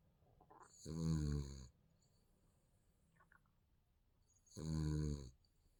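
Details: Sleeping baby snoring: two low, rumbling snores on breaths in, about four seconds apart, with quiet between.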